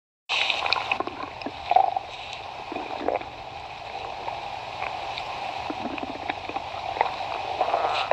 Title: stomach growling